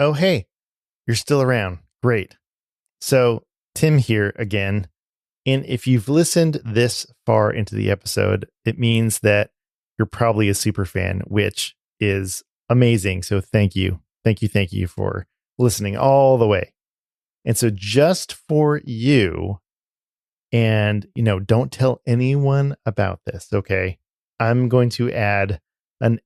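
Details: Adult male speaker; normal speech.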